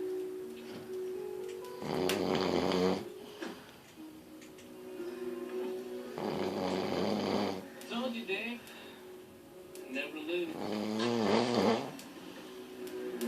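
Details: Rough, rattling snores about every four seconds during sleep, with faint music and room noise in the background.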